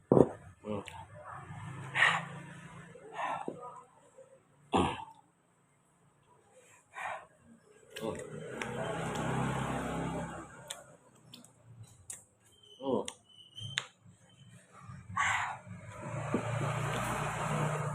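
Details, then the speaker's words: A man eating kikil with very spicy sambal coughs from the heat: several short coughs and throat clearings between brief sounds of eating and speech. "Wah, saya pedasnya guys, nggak kuat sampai batuk-batuk saya."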